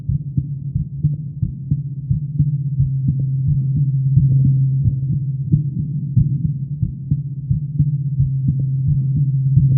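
Steady low thumps of a heartbeat over a soft continuous hum; an ordinary adult heartbeat.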